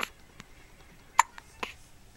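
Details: Hiccups in an infant about one month old, said to get them all the time: brief, soft clicking catches repeating every few tenths of a second.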